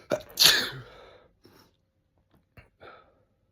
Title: Morning Sneezes